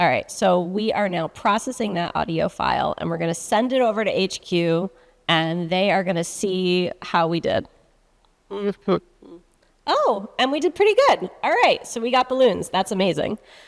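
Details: Adult woman; Normal speech.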